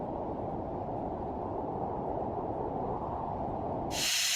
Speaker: escuchar cómo pueden ser algunos de los sonidos con los que viene el paciente y que le molesta sobre todo cuando hay silencio de la noche y quiere conciliar el sueño